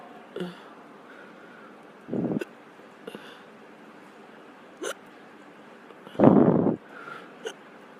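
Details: About six sudden, short gulping catches in eight seconds at uneven intervals over faint room noise; hiccups.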